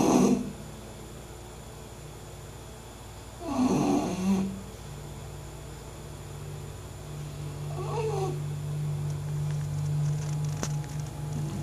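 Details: Sleeping English bulldog snoring: snorting snores at the start and around four seconds, then a softer one, over a steady low hum.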